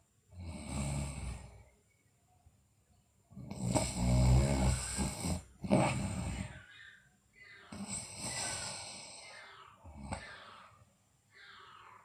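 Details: Deep, loud rattling snores in irregular breaths, some with snorting breaks, in a sleeping girl; no clear teeth grinding heard; snoring.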